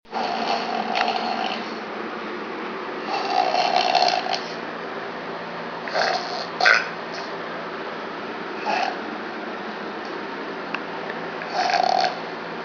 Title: snoring man